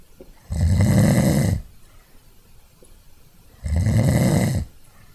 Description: A short series of snores captured via the built-in mic of an Archos AV420, with minor edits in Audacity and noise reduction in Soundtrack Pro under Mac OS X.